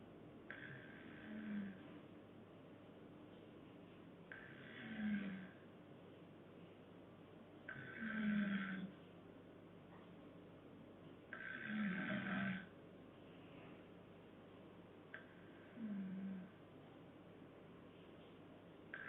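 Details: Soft, regular snoring recurring about every three and a half seconds, roughly 17 breaths a minute, over a low background hiss.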